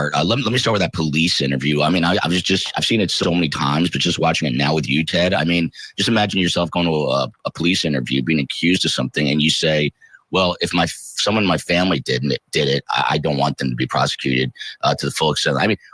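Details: Adult man speaking; normal voice.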